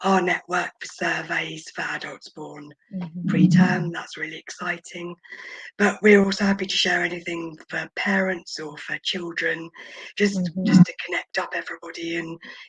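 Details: Adult woman, a former preterm infant who spent about 5 months in the NICU, mostly on a ventilator and oxygen, with vocal cord paralysis attributed to the ventilation: vocal cord paralysis (dysphonia).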